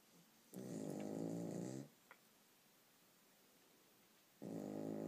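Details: Long rumbling snores on inhalation from sleeping dogs, separated by quiet pauses; described as an especially loud case of dog snoring.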